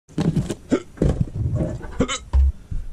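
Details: Several short, abrupt, low gulping sounds at irregular intervals in a small room; hiccups.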